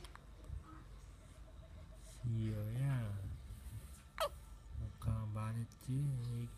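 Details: Hiccups in a child: short, sharp catches of the voice between soft vocal sounds in a quiet room.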